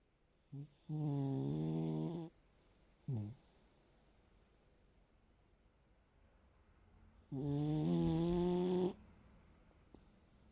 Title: It's all too much Loud snoring sausage #dogs #cute #pets